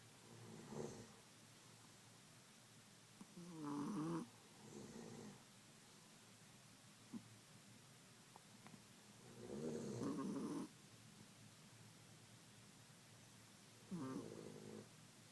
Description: My chihuahua and her daddy compete in snoring!